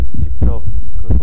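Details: Real dog heart sounds recorded in a veterinary clinic with a smart AI digital stethoscope: deep, muffled thumps from the chest, consistent with heartbeats.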